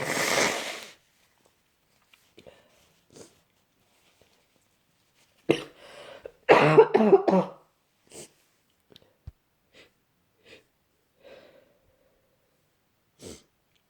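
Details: Person with a cold, exhausted, cough worsening: a sneeze, then a forceful burst of several harsh coughs, followed by quieter clicks and breaths.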